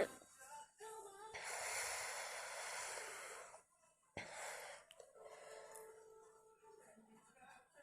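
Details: Wet, messy sneeze attack: breathy intakes followed by sharp, wet, hissing bursts in quick succession; a run of repeated sneezes.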